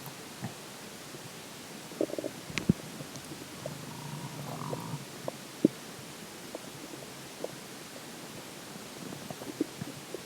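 Quiet scattered gurgles, pops and a brief low growl from the belly over steady background hiss; ordinary bowel sounds after drinking water.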